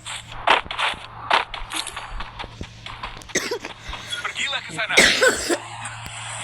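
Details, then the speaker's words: Person who is ill coughing while playing a mobile game: a few short coughs mixed with talking, over game sounds and a steady background hum. "Sorry guys, gua batuk emang gua."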